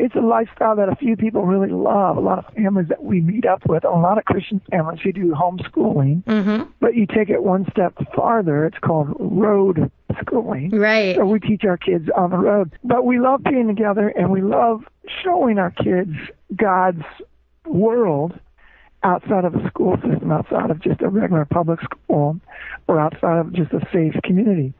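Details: Spasmodic dysphonia, involuntary spasms of the muscles around the larynx, in an adult man, a former rock band lead singer, diagnosed with the condition, which left him unable to sing.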